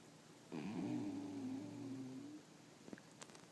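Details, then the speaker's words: A single long, rumbling, wavering snore from a sleeping pet dog, followed by faint clicks. "Nice snoring. That's my dog snoring."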